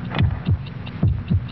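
Regular paired lub-dub heart sounds, about 72 beats a minute, a normal heartbeat reproduced in a broadcast advertisement.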